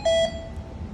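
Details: A single short, bright electronic beep over quiet room noise: an alarm tone from a Hamilton T1 ventilator during preparation and setup.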